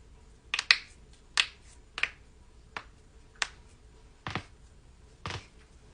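Eight sharp, brief pops at irregular intervals, typical of knuckle and joint cracking, a common harmless sound.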